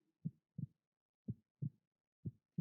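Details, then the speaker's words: Regular, low, muffled heartbeat in paired lub-dub thumps at about 60 a minute, presented as the heartbeat of the speaker's great-nephew. "Hear the sound of his heart. (Heart beating sound) That’s the sound of life calling for help."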